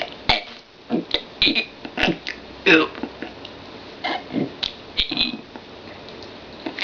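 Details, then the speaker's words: Deliberate burp-talking: a run of short voiced burps, several shaped into letter sounds, reciting the alphabet (ABCs); burping. "Hi, my name is, and I am going to burp my ABCs. Ready? Here I go."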